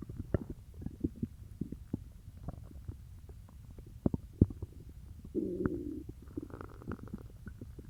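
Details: Stomach growling after eating peanut butter: bowel sounds (borborygmi).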